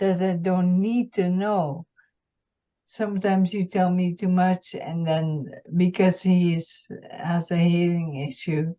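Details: Adult woman, a retired nurse, with multiple system atrophy, mainly parkinsonian type with some cerebellar features, whose speech symptoms began about two years earlier, who can no longer speak fast and has some days with no voice; dysarthria.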